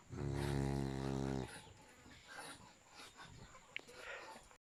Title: Dog Snoring